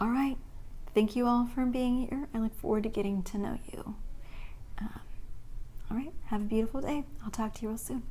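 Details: Spasmodic dysphonia in an adult woman, with a voice that breaks and goes in and out, recorded on a relatively good talking day with some voice fatigue.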